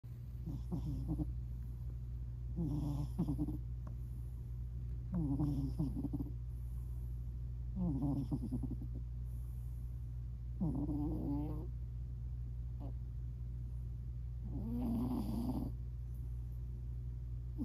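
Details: Soft, fluttering little snores about every 2.5 seconds, roughly 24 a minute, over a steady low hum, from a sleeping British Shorthair cat; owner hopes it is not sleep apnea; light snoring.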